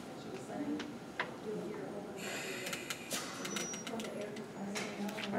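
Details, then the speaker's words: PB 840 mechanical ventilator in a lab demonstration: repeated high electronic alarm tones and beeps over room noise, triggered just after new alarm limits were accepted (tidal volume low 200, high 700). "see all the alarms went off because of the settings are accurate"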